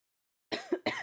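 After a brief silence, an adult gives two quick, harsh cough bursts with a loose, mucus-like quality, consistent with a lingering productive cough.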